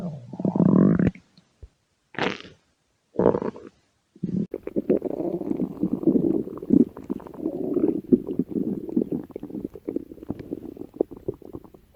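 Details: Red panda at feeding time: irregular gurgling, bubbling rumbles after a few short noises; normal stomach growling (borborygmi).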